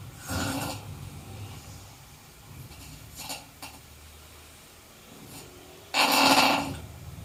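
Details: Three harsh, rasping inhalations about three seconds apart with quiet gaps between them: snoring.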